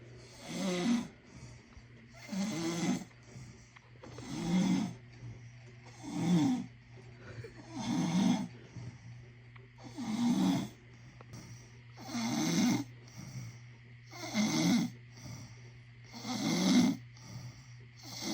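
Regular rough, rattling breath sounds about every two seconds, about 30 a minute, with faint background hum; snoring.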